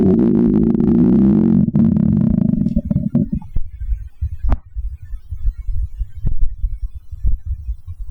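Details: After drinking about a can of cola: a long, low, tonal stomach rumble gives way to irregular gurgles, pops and soft clicks; audible stomach growling. Bowel sounds (borborygmi).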